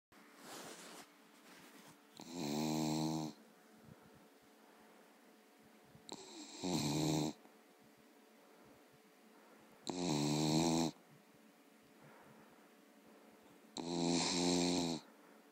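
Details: Four rattling, fluttering inspiratory snores, about 15 a minute, with quiet between breaths, from a sleeping dog exhausted after a long hike; snoring.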